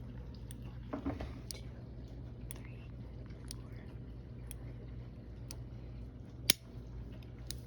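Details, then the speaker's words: Omnipod 5 insulin pod applied to a girl's leg while her mother squeezes the leg: quiet room with faint ticking, then one sharp hard click as the pod inserts its cannula. "And that hard click means it's gone."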